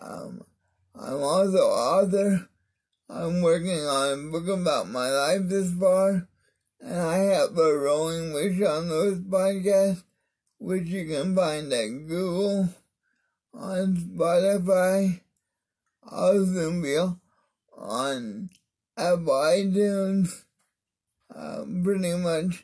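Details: Adult man with cerebral palsy (spastic diplegia affecting arms and legs) whose voice differs because of it; mild dysarthria.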